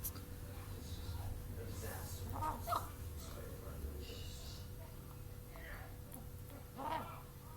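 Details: Chicken gives soft clucks and a few brief, sharp sneezing bursts over a low background rumble; owner wonders whether it is coronavirus; sneezing.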